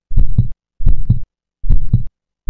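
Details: Simulated heart sounds at about 78 a minute, each beat a paired lub-dub, featuring the physiological second heart sound (S2).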